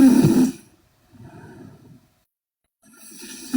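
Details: A loud rattling snore on the in-breath, then quieter breathing with pauses: snoring in a sleeping Korean girl.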